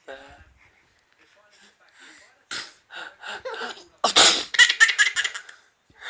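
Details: Parent's pretend sneeze followed by young son's bursts of hearty, repeated laughter: imitated sneeze with child laughter.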